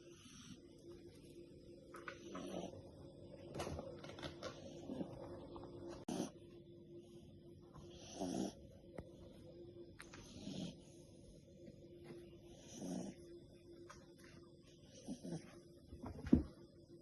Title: Mini dachshund puppy snores